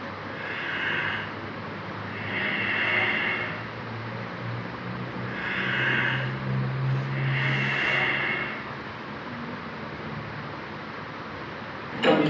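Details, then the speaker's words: Bradypnea as after brain injury, when the inhibited respiratory centre responds only to high blood carbon dioxide. Slow, soft breath sounds with long pauses, roughly 11–12 breaths a minute, over a low background hum. "cerebro normalmente controla la respiración, pero en caso de sufrir una lesión, el centro respiratorio será inhibido y solo comenzará a funcionar nuevamente en caso de un fuerte estímulo, y este estímulo serán los fuertes niveles de dióxido de carbono en sangre, y así es como suena."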